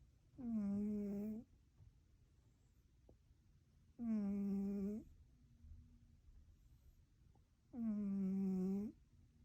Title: He Snores Really Loud!!